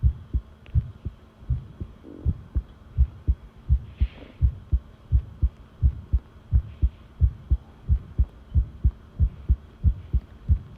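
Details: Long recording of a strong, steady heartbeat, paired thumps at about 85 beats per minute over a faint hum; normal heartbeat.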